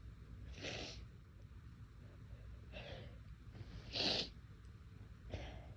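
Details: Deliberately induced sneezes on a day of unusually sensitive, itchy nose: several soft, hissing sneeze bursts over a low room rumble, the third loudest.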